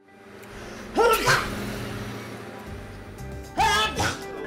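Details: Allergy and asthma clinic commercial: two loud voiced sneezes a few seconds apart over background music.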